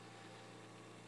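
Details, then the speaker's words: Invacare Perfecto stationary oxygen concentrator plugged in and running, described as a tad louder than the Respironics Everflo Q: steady low motor hum with even airy noise. "we're going to go ahe and plug in the perfectto so you can hear this one before you make your decision on which concentrator you want to go with okay this is the Perfecto I think it's just a tad bit louder"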